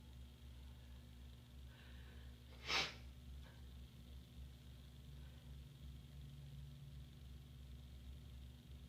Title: hotel room tease and sneeze!